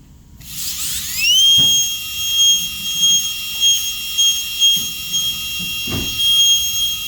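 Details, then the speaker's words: Steady high-pitched whine rising as it spins up, with brief dips as the 330 bur cuts in semicircular strokes along the outline, during a Class II MO amalgam preparation on a mandibular second premolar. "now I'm gonna use the burr all the way. Like this, as I showed you. I'm gonna move it semicircular like this, not straight like this, but like this, making circle following the external outline."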